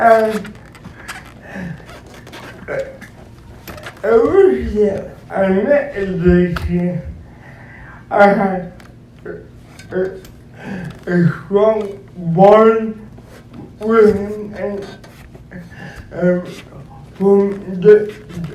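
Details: Dysarthria in an adult male described as physically challenged and speech-impaired, who uses a wheelchair and needs a personal care assistant; cause not stated.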